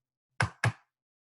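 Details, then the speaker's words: Finger-percussion teaching demonstration of a dull percussion note, played just before a stony dull note, contrasting the two as in pleural effusion. "Dull, stony डल, ठीक है?"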